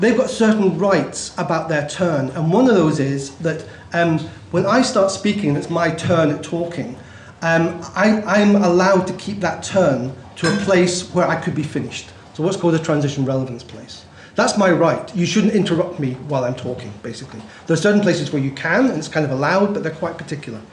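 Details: Adult male speaker; ordinary fluent speech.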